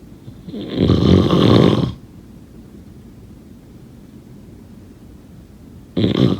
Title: Snoring sound…